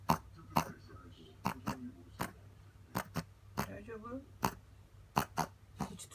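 Repeated short snorting pulls of air through the nose at an irregular pace; a reverse sneezing episode in a dog, with a steady room hum behind.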